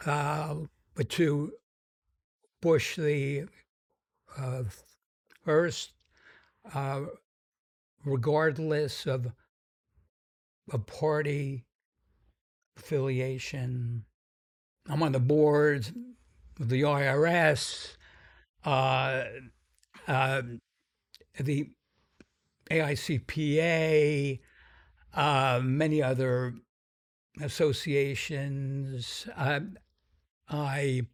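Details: Stuttering in an adult man described as having a pretty strong stutter, more than almost any other guest; he says its severity varies.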